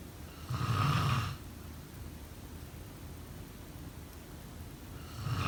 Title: Snoring sound…